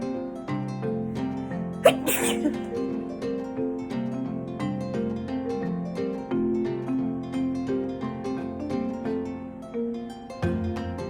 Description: House dust makes me sneeze . As I’m sitting in my bedroom I suddenly get a dust bunny up my nose and it makes me sneeze a lot.